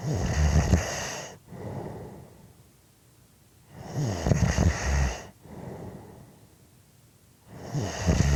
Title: Snoring Audio Clip 5 minutes